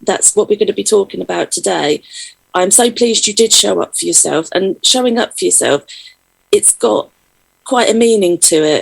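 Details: Adult female speaker; Normal speech.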